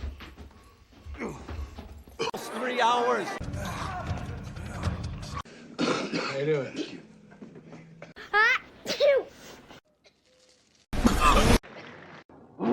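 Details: Acted film sneezes and coughs from a movie supercut, cut together between dialogue and music; short explosive sneeze bursts stand out among the scenes.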